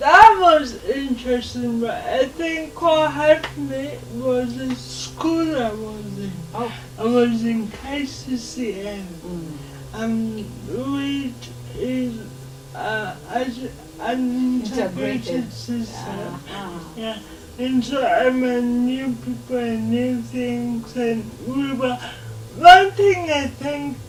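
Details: Dysarthria in a 27-year-old woman with lifelong cerebral palsy who moves around independently, in a real TV interview.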